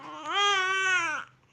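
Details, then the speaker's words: Infant daughter crying as she gets sleepy before sleep: a single sustained cry about a second long, rising then falling, in a small quiet room. "মেয়ের ঘুম আসছে। বেবিরা সাধারণত ঘুম আসলে কান্না করে। লাগলে কান্না করে।"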